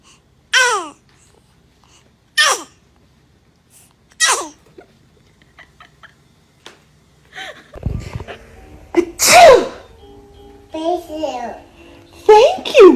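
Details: Baby sneezing: repeated short, high-pitched sneezes about one every two seconds, then cooing and fussing; described as a dramatic sneezer.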